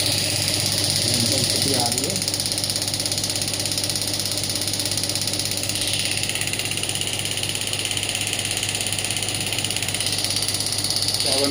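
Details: Biotronix pneumatic radial shockwave therapy (ESWT) handpiece firing on the demonstrator's hand at low intensity, rapid steady mechanical tapping of about 200 pulses a minute over a hum.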